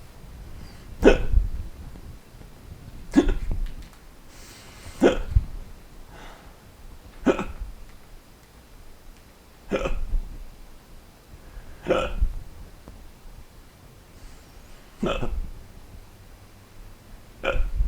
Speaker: I have the hiccups. How do I get rid of them?